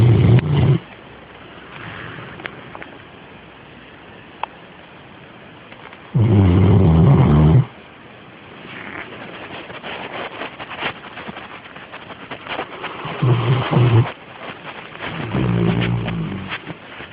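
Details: A sleeping dog snoring, heard every night: loud, low, rumbling bursts separated by quieter breathing, with music in the background.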